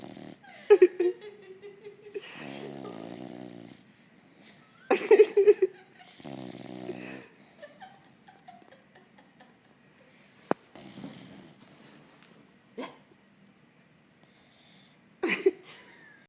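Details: Loud, rattling snores and snorts in uneven bursts with quiet gaps between breaths, while sleeping on the couch; snoring.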